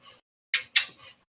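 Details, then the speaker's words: Dog with laryngeal paralysis and liver cancer, 8 months after first intraperitoneal ozone injection: harsh, hissing breaths in quick succession, noisy panting from laryngeal paralysis. "has laryngeal paralysis, so that you'll hear a lot of panting from him."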